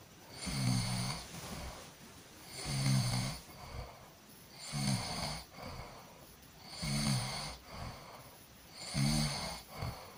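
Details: Person snoring during sleep: rhythmic rattling snores on each breath in, about 29 a minute, with a hissing breath between; snoring.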